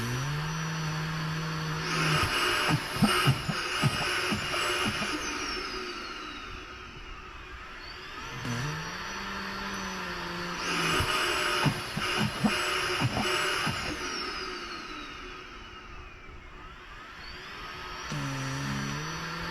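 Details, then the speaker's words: Mechanical insufflation-exsufflation (CoughAssist) via face mask held with a seal in a man with spinal cord injury: cycles of forceful air blown in, then sucked out with whooshing rush and rising whine, repeating. "I'm going to hit the play button now will suck start it when he's ready and we'll go from there"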